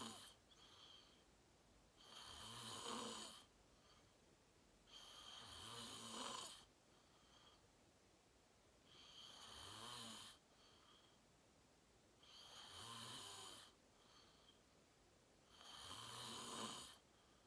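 Regular rattling snores with a hissing edge, about 18 breaths a minute, quiet gaps between; snoring during sleep.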